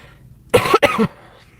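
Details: Adult woman, who says she can hardly breathe, gives two harsh, forceful cough bursts in quick succession with a brief catch between them; a short coughing fit.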